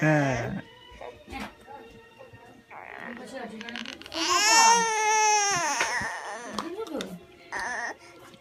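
High-pitched, tonal crying bursts with breaks between them, typical of an infant's cry; room noise in the background.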